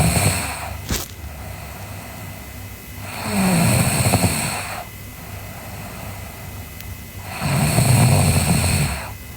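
Low rumbling snores on each breath in, about three in nine seconds, with quiet breathing out between them; ordinary snoring.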